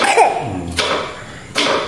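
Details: Two or three short, harsh coughs in close succession in a small room, in the morning, with the household reported to be coughing; a plain cough.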